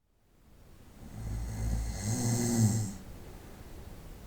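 A deep, rough, rattling snore on one long breath in, then quiet breathing out.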